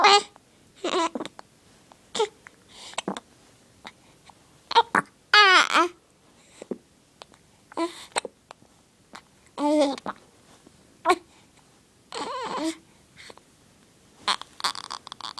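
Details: Young child with hiccups: brief sharp voiced catches about every second between babbling sounds.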